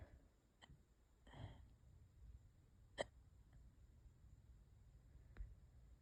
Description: i’ve had these for hours and they’re js getting worse plz spare me